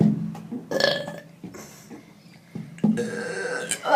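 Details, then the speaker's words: Loud, drawn-out, deliberate voiced burps with short gaps and faint background music, made during a burping competition; burping. "Okay, burping competition. Nailed it. You can do like 7."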